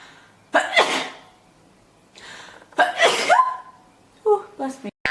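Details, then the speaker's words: Girl sneezing: two forceful sneezes, each led by a sharp in-breath, then a brief voiced sound; sneezing. "so big. I'm going to sneeze."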